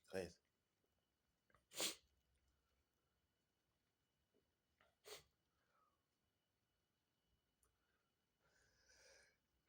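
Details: Sneezing: several sharp bursts of air through the nose, fitting sneezes or forceful sniffs, spaced apart in a quiet room.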